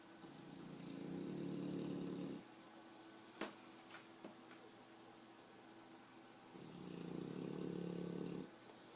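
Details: Sleeping English Bulldog: two soft, low, fluttering, almost purr-like snores about five seconds apart, with a few small clicks in between; snoring.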